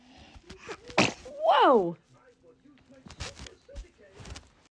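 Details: Infant: a single sharp, noisy sneeze followed by a brief high, falling squeal, with faint household sounds around it; sneeze.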